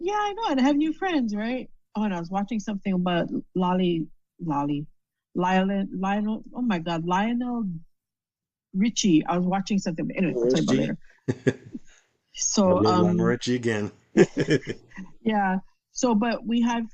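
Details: Woman with aphasia after a stroke, speaking in conversation; aphasia.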